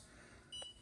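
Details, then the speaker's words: MicroLight 830 therapeutic laser on a dog's stifle joint, medial and lateral, 6 joules per spot, each cycle delivering 3 joules: a single short high electronic beep in a quiet room marking a treatment cycle. "seconds puts in three joules of energy and you'll see how the indicator light tells you that the laser is working it also has audible beep which you can turn on and off"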